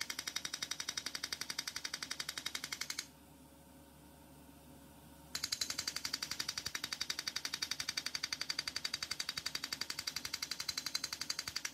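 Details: Erbium YAG laser removing an epidermal nevus in a female patient under anaesthesia: rapid regular crackling pops, about three a second, with a brief pause; laser firing.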